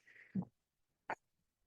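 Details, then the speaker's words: Podcast host's mechanical ventilator heard in the background: a brief airy hiss, a soft thump and a sharp click as the ventilator cycles. "Hello, everyone. My name is. That noise you're hearing is my ventilator."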